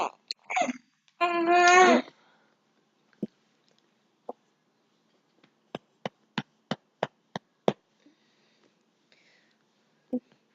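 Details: Infant girl who had been fussing while being burped: a brief cry, then a run of short, sharp, evenly spaced hiccups about every third of a second, with a few isolated ones after.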